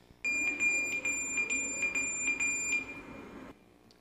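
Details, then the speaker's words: NICU equipment alarm heard amplified as experienced inside incubators of very premature babies around 24 weeks: repeated high-pitched electronic beeps over steady room hum. "donc ça c'est une alarme pour un un petit moteur donc les tout petits bébés de 24 semaines"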